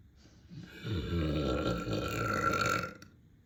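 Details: One long, deep, rumbling belch lasting about two seconds; a loud burp.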